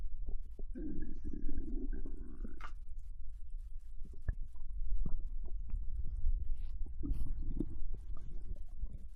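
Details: Japanese girl lying on her side in bed after eating ramen, digestion recorded: low gurgles and rumbles with squeaky bubbling bursts; normal bowel sounds (borborygmi).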